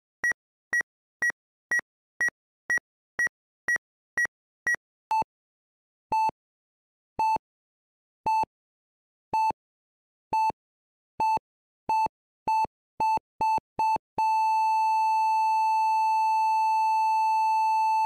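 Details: Electronic heart monitor in a hospital beeping, first fast and high-pitched, then lower tones slowing then quickening, ending in a continuous flat tone.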